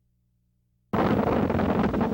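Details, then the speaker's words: Needle EMG teaching example: dense, continuous high-rate buzzing; neuromyotonic discharges, sine qua non for Isaacs syndrome and familial continuous muscle fiber activity syndrome, also reported with spinal muscular atrophy, peripheral neuropathy and tetany. "Neuromiotonic potentials are cena quanon for a diagnosis of Isaac's syndrome and familial continuous muscle fiber activity syndrome. Neuromiotonic potentials are also reported with spinal muscular atrophy, peripheral neuropathy and tetany."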